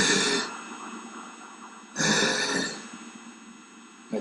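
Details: Unilateral vocal fold paralysis with an immobilised, concave, atrophied vocal fold; breathy dysphonia.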